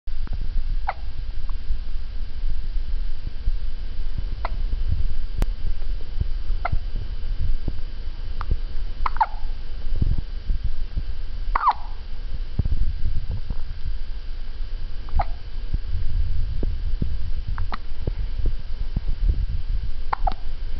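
Repeated short, abrupt hiccup sounds about every two to three seconds over steady low rumbling background noise.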